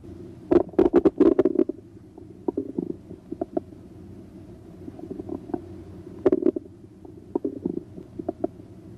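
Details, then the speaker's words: Stethoscope diaphragm placed gently on the right lower quadrant of the abdomen during a physical exam: irregular gurgles and clicks, normal bowel sounds. "listen for bowel sounds by placing the diaphragm of the stethoscope gently on the right lower quadrant listen to their pitch quality and frequency"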